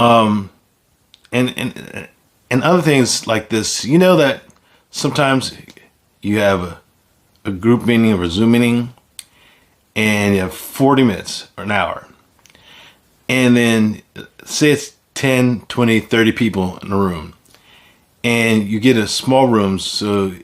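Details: Man with aphasia caused by stroke, speaking unscripted; finding: aphasia.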